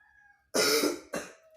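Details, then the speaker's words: Child performing the effective cough technique, inhaling through the nose then coughing to clear hard-to-expel phlegm: a faint breath, then a strong forceful cough and a shorter second burst. "Jadi jika batuknya susah keluar dahaknya bisa melakukan Tarik nafas seperti tadi dan sebelumnya agar agar mempermudah mengeluarkan dahak bisa meminum air hanga"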